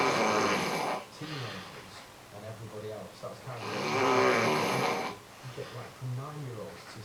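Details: Adult man (husband) snoring while asleep, described as quite quiet for him: two long, rough, rattling breaths in about seven seconds, with quieter noisy sounds between.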